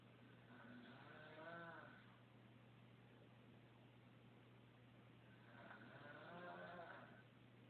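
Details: Lala snoring: two slow, buzzing, rattly breaths about four seconds apart over a steady low electrical hum; snoring.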